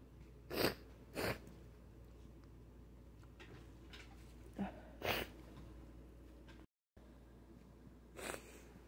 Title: So many Sneezes! 🤧